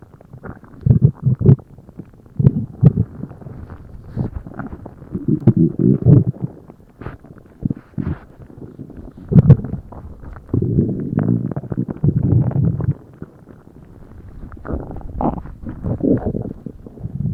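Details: Loud stomach noises after a meal: low gurgling and rumbling bowel sounds (borborygmi) in repeated bursts.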